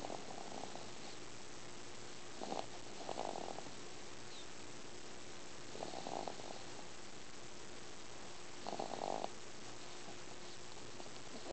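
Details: 3-month-old baby snoring loudly in sleep, pacifier fallen out, occasional sucking: short, soft, rattly breathing sounds at irregular intervals over a steady background hum.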